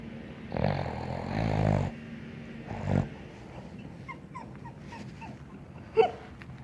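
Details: Sleeping dog snoring: two rumbling, rattly breaths followed by soft squeaky nasal sounds.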